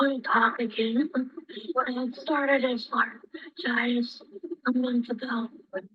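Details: Woman with idiopathic, non-surgical vocal fold paralysis, cause unknown and possibly infectious, with poor vocal endurance and difficulty swallowing liquids; breathy voice (vocal fold paralysis).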